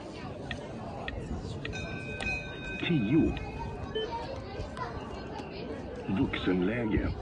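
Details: Automated external defibrillator used during a CPR training demonstration, after 30:2 chest compressions and pad placement: steady electronic tones and short spoken voice prompts in a noisy room, before the shock button is pressed.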